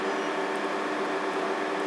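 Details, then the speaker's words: Steady, even mechanical hum like a cooling fan from a laser hair removal machine being switched on after cooling gel is applied to the skin; a German-made machine with cooling set, used on face or body. "सो उसके बाद laser hair removal machine को on किया जाता है"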